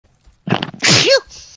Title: Nhlio Archive: Sneeze Sound Effect (1)